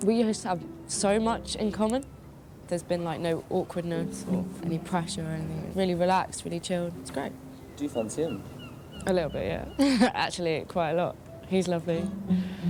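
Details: Young adult woman speaking; normal speech.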